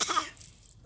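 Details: A single short, harsh cough burst from a child, described as a bad cough, then quiet room noise; cough.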